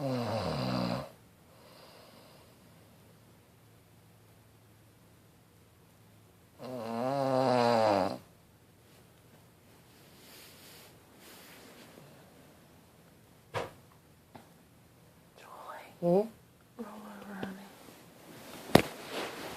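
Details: Snoring during sleep: two loud rattling snores separated by a long quiet pause, with faint room noise and a few clicks.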